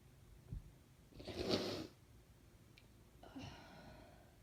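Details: Sneezes recorded on request, with a build-up of 'oh' sounds: one muffled, breathy sneeze in a quiet room, then a soft sniff; sneeze.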